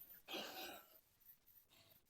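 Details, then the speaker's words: Acted cough by an adult man in a comedy sketch: one loud, harsh cough burst followed by two fainter, shorter coughs in a small quiet room. "aduh buset si Akang batuk tarik-tarik teing"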